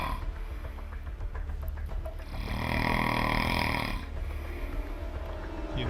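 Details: Adult man snoring so loudly that his wife says he sleeps on the couch and the kids hear him through the walls; a loud, long, rough rumbling snore over steady background noise and faint music; heavy snoring.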